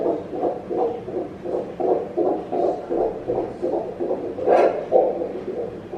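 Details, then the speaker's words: Fetal heartbeat on Doppler at 16 weeks of pregnancy: rapid, regular whooshing pulses at 155 beats per minute, within the normal 120–160 range. "Alright, but the heart rate should be between 120 and 160 beats per minute. Today, 155 beats per minute."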